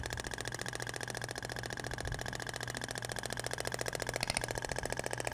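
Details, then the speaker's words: THORK radial shock wave (ESWT) applicator with polyacetal tip passed slowly over the abdomen in a second direction, sounding different from the metal tip: rapid, regular mechanical clicking pulses, about 214 a minute. "indiferente agora vai pro outro sentido até o barulho é diferente da pompea de poliacetal pra"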